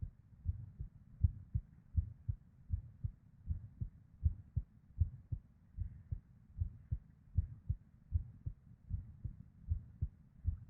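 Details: Irregular female heartbeat, about 79 a minute, uneven spacing from early extra beats (PVCs/ectopics) and a soft whooshing murmur (blood flow) between them.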